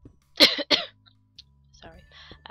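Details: Adult: two sharp, harsh cough bursts in quick succession, then quiet room sound; cough.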